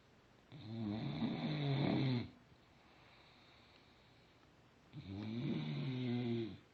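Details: Bulldog snoring loudly.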